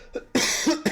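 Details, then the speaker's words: An adult who has been sick for a long time coughs during a livestream: a single harsh cough burst followed by a brief second expulsion. "But yeah, I've been sick for way too long and I'm tired of being sick, but you can probably still hear it on me. I'll be coughing a little bit throughout the stream."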